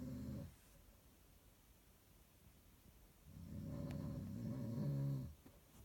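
Low, rough rattling breath noise in two stretches, with a quiet pause between them, typical of snoring.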